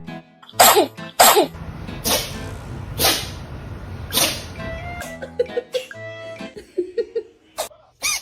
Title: The cat sneezes. cat #catsoftiktok #catlover #funny #funnyvideos #foryou #fypage #fypツ #cats